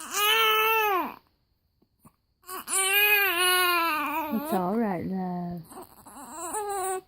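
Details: Infant with hiccups crying in loud, rising-and-falling wails with a brief pause for breath, then whimpering; ordinary infant cry.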